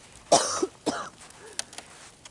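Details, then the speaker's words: Adult woman filming outdoors in the snow coughs: two short, harsh coughs, followed by quiet outdoor background with faint clicks; plain cough. "as you're standing around, it's starting to get, you can hear the camera girl coughing away."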